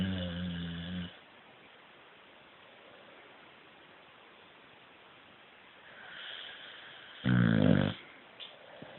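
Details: Puppy asleep: two short, rough snoring breaths separated by a quiet pause; snoring.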